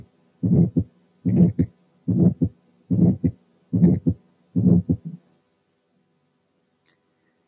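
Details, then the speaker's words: Ejection systolic murmur (crescendo-decrescendo, diamond-shaped, separated from the heart sounds), given as a pansystolic-versus-ejection quiz: six regular beats at about 72/min with a murmur between the first and second sounds. "ترى دي بانسيستوليك ولا ايجكشن؟ طبعا ايجكشن."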